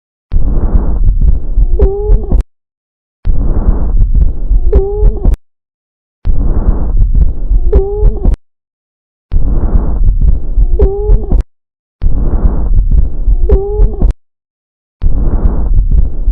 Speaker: You are listening to Weeze.